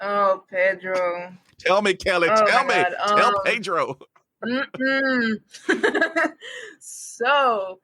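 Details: Stuttering in a podcast host who is himself a person who stutters, with an audible part-word/word repetition.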